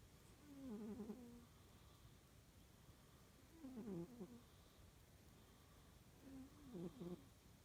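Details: Three slow, rumbling, low fluttering snores, about 19 a minute with quiet gaps, from a small cat asleep after chasing birds in the backyard; snoring.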